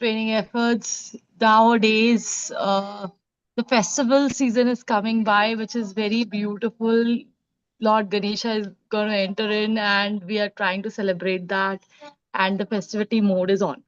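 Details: Adult woman speaking; ordinary speech.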